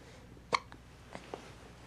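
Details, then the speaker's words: A sharp hiccup followed by two softer ones from a smiling baby girl being picked up, in a quiet room; hiccups. "uh oh hiccup you can smile through the hiccups right can you can you smile through the hiccups"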